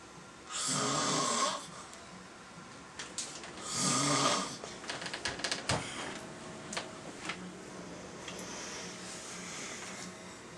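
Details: Two loud, harsh snoring breaths a few seconds apart, followed by rustling and clicking room noise; snoring recorded 12/25/07.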